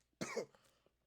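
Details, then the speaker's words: Single short, harsh cough burst with brief throat-clearing tail in a quiet room, right after inhaling from a vape cartridge; cough. "I didn't even think I was gonna start coughing so fast. Usually I could do blinkers. I don't know what just happened."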